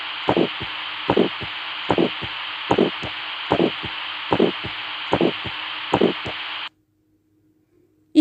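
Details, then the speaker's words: Aortic stenosis murmur on a teaching recording: regular heartbeat about 73/min with a harsh, high-pitched crescendo-decrescendo ejection murmur after S1, heard at the aortic area (right second intercostal space) and radiating to the right carotid/neck. "aotic stenosis the site of murmur is aotic area that is the A1 area in the right second intercostal space. The character of murmur is crescendo decryendo murmur and it is radiated to the right keroded artery or on the right side of the neck."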